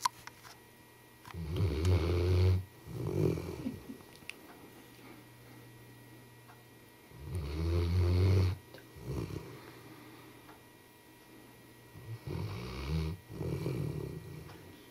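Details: Labrador sleeping with a pacifier: deep, rumbling snores with a short follow-on breath, about 10 a minute, in a quiet room.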